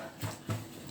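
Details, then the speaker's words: Dog said to have a cold sneezing repeatedly in a "sneeze-a-thon": two quick, sharp nasal bursts about a quarter second apart, heard faintly over quiet room noise. "Evelyn's got a cold you might be able to tell she's sneezing like Mary here"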